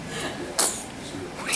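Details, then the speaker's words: Two-week-old baby boy with repeated sneezes that also make him yawn: a single small, sharp sneeze in a quiet room; sneeze. "Oh my. Bless you. Oh my. Oh. Bless you. Oh, you just keep sneezing."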